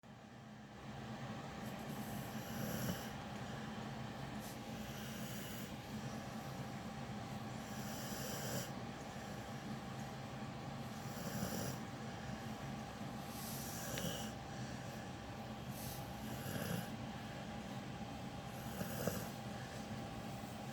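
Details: Snoring from a male with cropped ears, described as a loud snorer: soft, regular snoring breaths over a steady background hum, about 9 breaths a minute.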